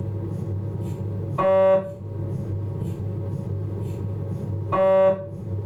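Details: Abdominal MRI on a Philips 1.5T scanner during a T2 coronal sequence: steady low hum broken by two loud, buzzing tonal bursts a few seconds apart; MRI scanner noise.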